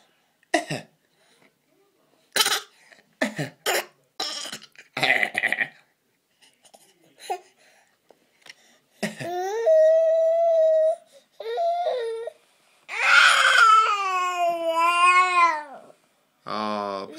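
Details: A young boy coughing during dinner gives about seven short, dry coughs, then whiny, drawn-out voiced sounds.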